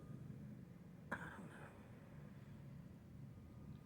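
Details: An adult with sinus trouble, watery eyes and suspected allergies or post-nasal drip gives a single short, sharp cough burst with a brief rough tail against low room rumble: an isolated cough.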